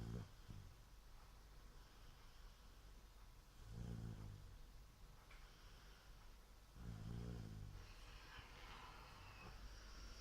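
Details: Animal snoring in sleep: deep, rumbling snores recurring about every three seconds on the in-breath, with quiet pauses between.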